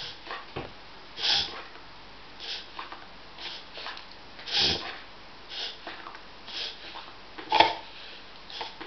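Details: A dog makes repeated sharp, honking snorts while pulling air hard through the nose, a reverse sneezing episode. The episodes distress her, though she wags her tail when stroked.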